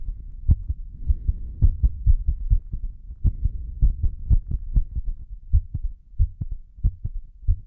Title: pounding breathold heartbeat (w/heavy breathing)